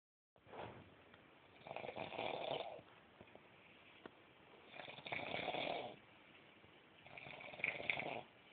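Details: Snoring from an overweight sleeper at about 7am: three long, rough, rattling snoring breaths over about eight seconds, with quiet pauses between.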